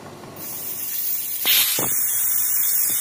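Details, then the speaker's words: Oxygen concentrator with humidifier, nebulizer port in normal operation: steady, rising airy hiss of air flow with a brief louder burst. "this is a humidifier and this port is for nebulizer"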